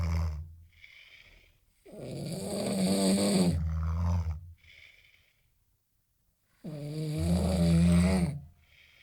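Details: Loud, rough snores on breathing in, each lasting a couple of seconds, with softer snorting breaths out between them, from a third-year civil engineering student; snoring.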